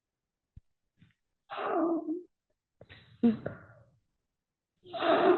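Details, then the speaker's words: Child's snoring with breathing pauses: pediatric snoring with pauses in breathing. "Doctor, me preocupa, mira cómo respira mi hija. No. Y están buscando. Justo mi niña está respirando así, hace pausas."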